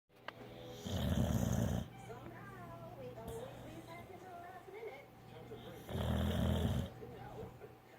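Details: Ordinary snoring during sleep: two loud, rough, rattling snores about five seconds apart, with quieter breathing and faint background sound between them.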